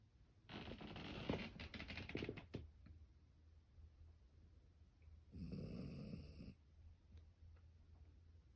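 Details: Sleeping Boxer dog snoring after playtime, quiet room: two snoring breaths, one rough and fluttering, one with a buzzing tone.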